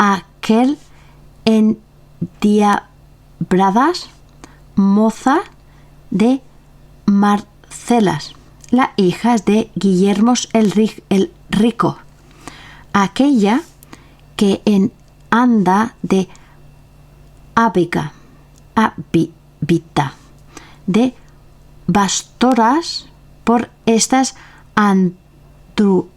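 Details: Person with aphasia reading a Spanish literary text aloud in a recorded reading; halting, with repeated and distorted word attempts; finding: aphasia.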